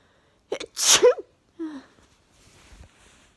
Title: Morning sneeze fit in bed | 34 sneezes